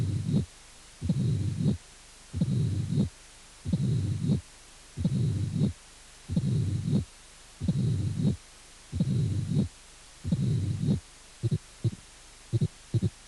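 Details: Mitral stenosis with presystolic murmur: slow regular cycles with loud first heart sound, protodiastolic opening snap and long low diastolic rumble building before the first sound.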